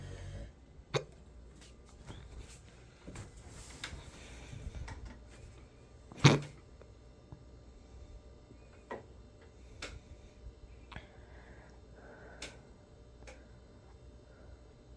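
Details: Quiet room with several sharp, brief catches spaced seconds apart, one much louder than the rest; repeated hiccups.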